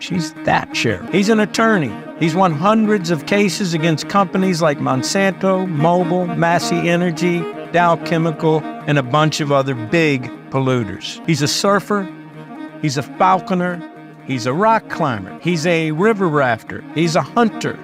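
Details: Adult male narrator; normal speech.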